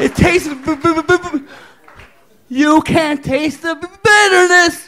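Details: Adult male comedian performing stand-up, whose stutter the host remarks was extra thick that night; stuttering.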